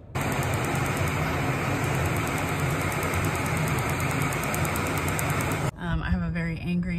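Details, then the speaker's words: Tattoo removal laser on the sensitive inner arm near the armpit, about two years into treatment and described as very painful: loud rapid snapping pulses over a steady rushing hiss, then brief speech. "I've been getting this laser off for about 2 years. It does hurt like hell. It hurts a lot more than getting a tattoo does."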